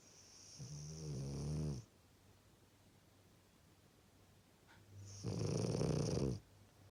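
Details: A sleeping dog snoring: two rough, low snores about four seconds apart with quiet breathing between; ordinary snoring.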